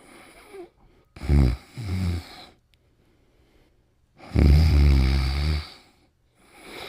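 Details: Deep, rumbling snores on slow breaths, about two in this stretch, with quiet pauses between, during sleep with dreaming; ordinary sleep snoring.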